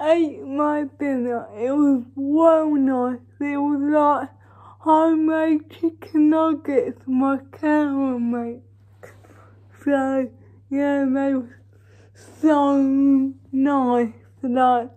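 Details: Dysarthric speech (cerebral palsy) in a female vlogger, real everyday speech.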